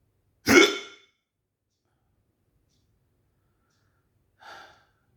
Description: my hiccups wont stop today.